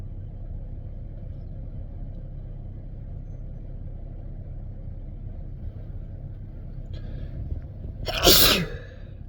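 Against steady low rumbling background noise, a brief in-breath is followed by one loud, explosive sneeze near the end; an ordinary sneeze.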